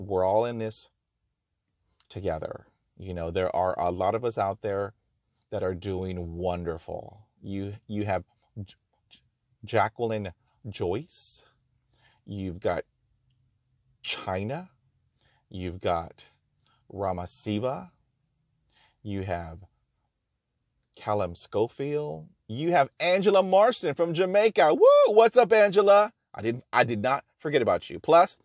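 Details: Real stuttering in a person who stutters, speaking in his own talk about stuttering; he notes there is no cure, only therapies and techniques to manage fluency.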